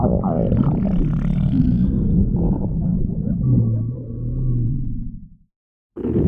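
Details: Stomach growling (borborygmi): a loud, low rumbling gurgle lasting several seconds, with a long drawn-out growl.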